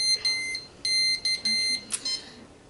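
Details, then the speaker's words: Several short bursts of high electronic beeps from a portable home IV antibiotic infusion pump, signalling it has finished its checks and is ready for the bag to be attached. "it telling me that it is completely ready and everything went great and I can attach the bag"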